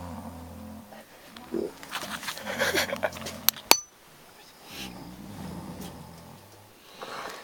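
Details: Two low, rumbling snores from a sleeping dog in a snoring contest, separated by a pause with brief clicks and rustling; snoring.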